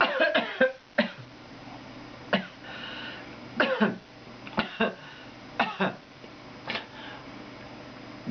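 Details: A person demonstrating how to cough; cough.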